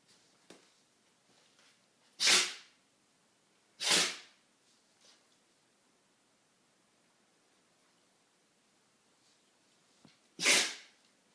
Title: Dog sneezer